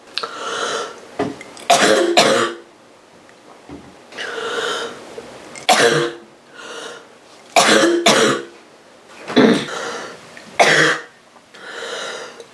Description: girl is coughing quite roughly from a cold